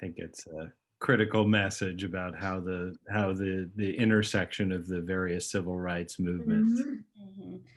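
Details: Adult male speaker; ordinary speech.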